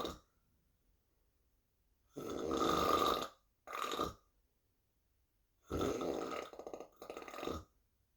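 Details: Irregular loud rattling breath noises with silent pauses between them; snoring.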